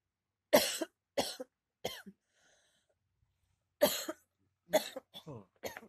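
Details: Seven short, harsh coughs in two clusters separated by a pause, from a woman woken by coughing; the husband asks whether the cough or respiratory problem is chronic and suggests dust may play a role.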